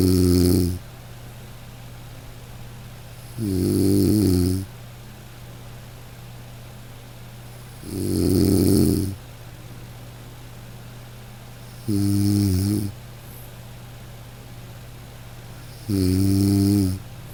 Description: Close your eyes and listen to snoring Breath Relax …